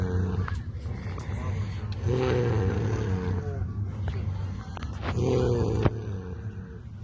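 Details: Loud, rough, low rumbling snores with long drawn-out breaths amid room noise: heavy snoring from the speaker's sleeping brother in a dugout, 2024.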